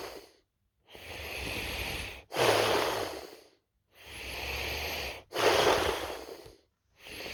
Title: Snoring me